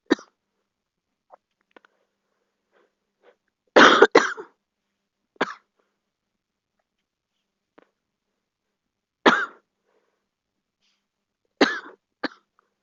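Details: A girl gives about five sharp, dry coughs, one a quick double, separated by quiet pauses; cough.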